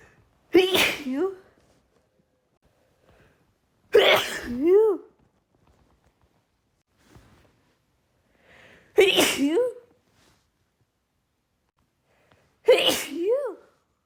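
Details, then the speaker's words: A female with pollen allergy gives four forceful sneezes in quick succession, each with a sharp intake and loud burst, in an uncontrollable pollen sneezing fit. "The pollen is really getting to me as you can probably hear. But sorry."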